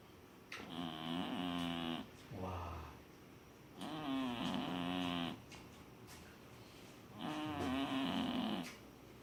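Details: Sleeping cat snoring loudly: rhythmic snoring with a long buzzing sound on each breath, about 18 breaths a minute.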